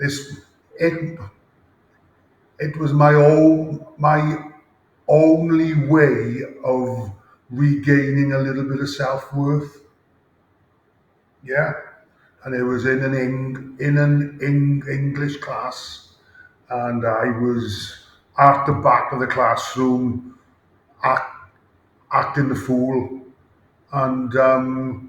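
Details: Adult male former rugby player with a lifelong stammer since about age 5-6, with blocks and speaking difficulty under pressure; stuttering (stammering).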